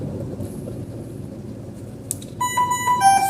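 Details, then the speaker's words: Visible yellow medium-priority alarm signal with a repeating sequence of tonal electronic beeps over a low room rumble, sounded during the alarm check while setting up a Savina 300 ventilator. "Sinyal alarm prioritas menengah ini warna kuning terlihat dan terdengar ya."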